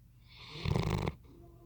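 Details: Sleeping Bloodhound dog snoring: a single loud, deep fluttering snore lasting about half a second.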